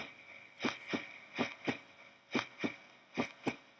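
Four clear paired beats, two sounds per cycle at about 70 a minute, with no added sounds; normal canine heart sounds. A brief rustle ends the clip.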